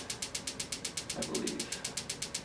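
Rapid, regular clicking pulses, about eight per second, from a shockwave therapy applicator treating the Achilles tendon.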